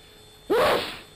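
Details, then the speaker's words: A single sudden explosive sneeze with a rising vocal 'choo' that fades quickly, from a 1948 NHS public health film on coughs and sneezes spreading disease; sneeze. "you have certainly seen thousands like this they're not a nuisance they're a real"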